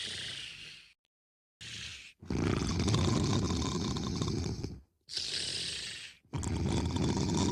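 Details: Loud, harsh rattling breaths alternating with hissing exhalations, a cartoon-style snore from a male character heard up close; snoring.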